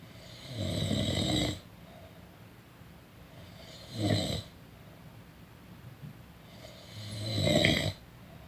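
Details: Person snoring during a nap: three rough snores on breathing in, about 18 a minute, with quiet gaps between; ordinary snoring.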